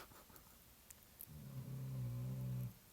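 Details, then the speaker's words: Sleeping dog snoring: a low, rumbling snore lasting over a second in a quiet room. "Can you hear my dog snoring?"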